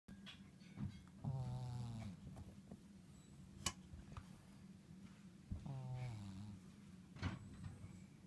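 Low, rattling snores on two breaths about four seconds apart, with faint clicks and room noise: a sleeping pet snoring.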